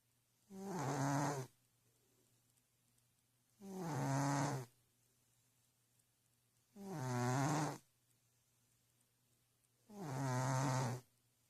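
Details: Snoring cat: four regular, deep, rumbling snores about three seconds apart, roughly 19 breaths a minute, with low room hum; poor-quality recording.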